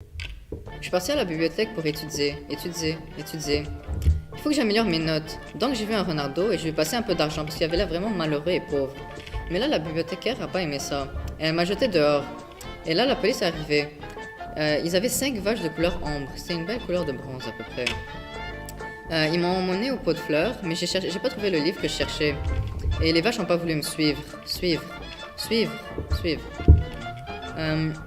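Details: Acted portrayal in a student awareness ad of a male patient with Wernicke's aphasia, attributed to a lesion of Wernicke's area, with fluent but incoherent speech; Wernicke's aphasia (acted).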